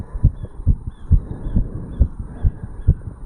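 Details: 35-year-old male's own heartbeat recorded over the tricuspid area after jogging uphill: strong, regular paired beats at about 135 a minute, fast heart sounds after exercise.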